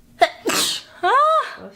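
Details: A woman's single sneeze: a sharp intake, a noisy burst, then a voiced trailing sound.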